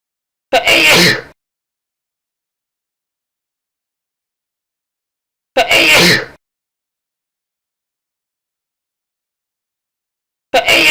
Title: Sneezing Sound Effect 2